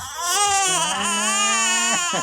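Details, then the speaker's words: Young infant's fake cry, wanting to be picked up: sustained, tuneful fussing cry rising and falling; a cry for attention. "Yan ang cry niya. Make crying. Ibig sabihin gusto niya ng magpakarga."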